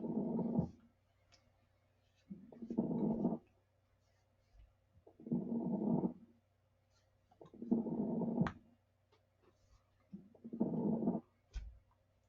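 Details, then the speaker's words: Fine crackles (rales) in a recorded lung-sound example for an EMT class: rhythmic breathing, about 24 breaths a minute, with scattered short popping crackles; pneumonia, congestive heart failure and bronchitis are named as possible causes. "so some of these some of the different reasons you might hear Rawls or crackles pneumonia congestive heart failure or CHF bronchitis as well"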